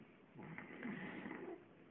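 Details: Sleeping person sitting on a couch: one soft, fluttering snore on a breath in, lasting about a second; light snoring during sleep.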